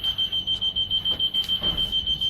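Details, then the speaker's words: Rapid continuous high-pitched beeping, about five pulses a second, from an SLE2000 neonatal ventilator: high pressure alarm with leak alarm, still active until mute and reset pressed after pressure set above its limit. "ودايما الهاي الارم معاه ليك عشان بيبقى في سيفتي ان هو خايف يبقى في اكسس بريشر على اللانج فهو من نفسه بيعمل ليك."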